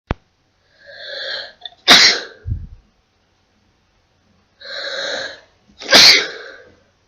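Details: Two sneezes, each a short indrawn breath followed by a sharp explosive burst; ordinary sneezing.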